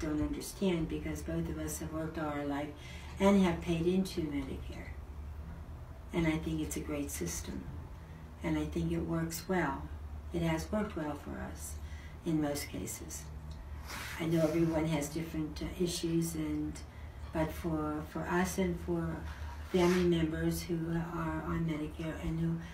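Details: Adult woman speaking; normal speech.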